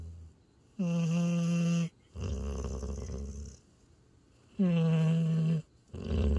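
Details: Tired border collie–Australian shepherd mix asleep in owner's arms by a campfire after a hike, snoring: loud tonal snores on each in-breath alternating with rattly, rumbling out-breaths, about four breaths in six seconds.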